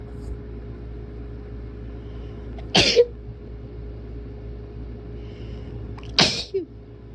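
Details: Person with allergies, taking daily allergy medication, two forceful, harsh sneezes about three seconds apart over low steady room hum; sneezing.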